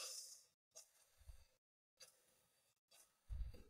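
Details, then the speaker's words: Simulated demonstration of hyperpnea with tachypnea, about 28 breaths per minute with increased chest excursion and larger than normal tidal volumes: quick, heavy, airy breaths in and out with brief pauses. "increased chest Excursion which means we're taking larger than normal title volumes"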